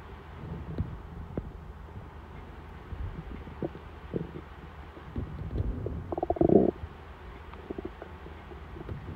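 Gurgling, rumbling bubbling sounds with a louder squeaky gurgle; normal hunger stomach rumbling.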